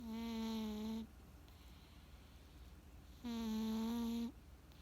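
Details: Cat snoring: two steady, tonal, whistling-hum breath sounds about a second long, separated by quiet; a smooth, musical snore.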